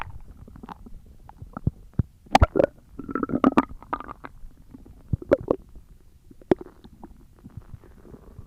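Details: ASMR recording of stomach growling: bursts of gurgling, bubbling and squeaky rumbles with quiet gaps between; borborygmi.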